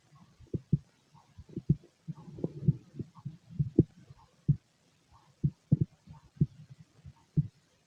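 Soft low thumps in a loose rhythm, roughly 60 a minute, with some muffled rumbling between them. A heartbeat.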